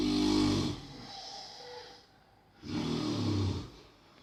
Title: Snoring XXXL / Smrčanje XXXL ASMR Extreme :)